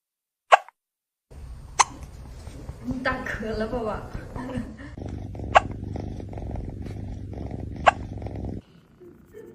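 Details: Hiccups after eating food too fast: sharp, brief catches recurring about every two seconds against talking and background noise.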